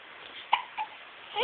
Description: Cute Hiccups